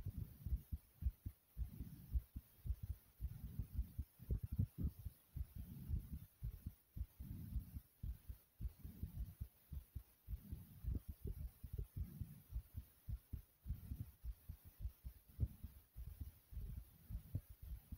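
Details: Heart beating very hard in the chest after squats: strong, deep thumps at about 110 beats a minute, a normal fast, forceful heartbeat after exercise.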